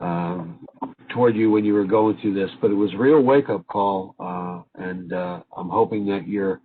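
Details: Adult male speaker; normal voice.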